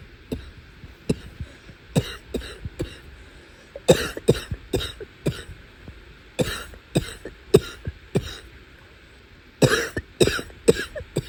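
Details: Cough after trying to suppress it for a long time: a prolonged fit of about two dozen harsh, hacking coughs in clustered bursts with a barking quality in a quiet room; barking cough.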